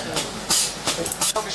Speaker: You can hear that the chest compression device is still going. So even though the ECMO is starting to run, they're keeping that going, and then they'll shut that off once the balloon pump is actually functional.